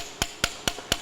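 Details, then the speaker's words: Surgical mallet tapping a dilator into the tibial tunnel to compress the soft-tissue graft during right-knee ACL reconstruction with ExoShape tibial fixation: four sharp, evenly spaced metallic taps. "i usually go to plus 5 and i simply mallet this in like this"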